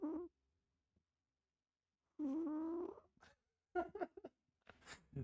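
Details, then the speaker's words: Sleeping cat snoring, recorded with the microphone placed next to it: quiet, intermittent breathy and whistly tonal noises with short pauses between them. "too cute man the cat is snoring"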